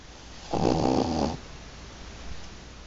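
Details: Napping, snoring: a single loud, low rattling breath lasting under a second, then quiet breathing.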